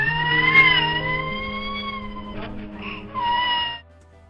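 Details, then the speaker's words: Baby with cri-du-chat syndrome, a rare genetic condition present at birth: very high-pitched, thin, mewing cry like a cat meowing. "It maybe sounds like a cat meowing, but actually that is the sound of a baby crying with Cri-Du-Chat syndrome."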